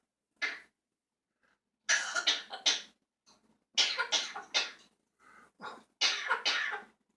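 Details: Cough at bedtime: a single cough, then three bouts of two to three harsh coughs each in a quiet room.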